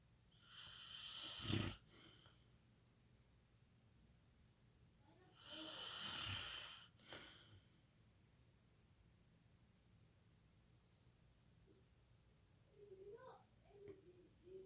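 Two loud, rough, rattling breaths in a sleeper, several seconds apart, with quiet between; snoring during sleep.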